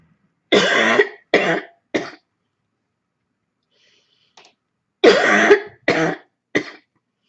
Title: Cold Barking Cough